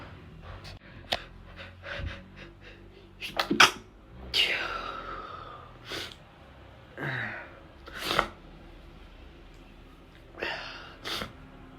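A run of several sharp sneezes, some with audible catching breaths between them, in a quiet room.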